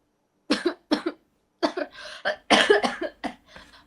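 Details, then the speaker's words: A person on a video chat coughs; they say they are sick, their voice is gone and they do not know why they are coughing. Cough. "Kamu lagi batuk? Iya lagi batuk. Kenapa kamu batuk?"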